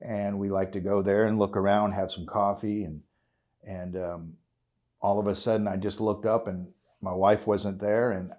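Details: 56-year-old man with essential tremor, which he calls a kind of Parkinson's, causing voice tremor, involuntary body jerks and hand and foot tremors; he is a cannabis-oil (RSO) patient; voice tremor (essential tremor).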